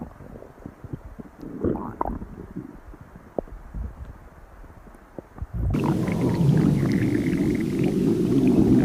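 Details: Hunger-related stomach growling: low gurgling and rumbling sounds, then a louder sustained growl over noisy background, in someone who was very hungry that day.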